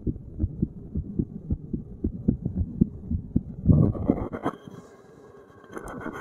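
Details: Resting heartbeat while sitting, self-recorded at one of various chest spots by a layperson: regular soft low paired thumps, about 70 a minute, with handling noise near the end; normal heart sounds.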